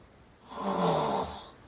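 A single loud, rattling snore swells on one breath and fades; ordinary snoring from vibration of the throat's soft tissues.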